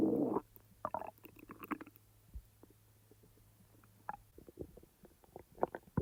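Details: Real stomach rumbling from the abdomen, recorded when the stomach was active, not in real time: irregular gurgles, squeaks and bubbling rumbles over a low steady hum; normal bowel sounds (borborygmi) of active digestion.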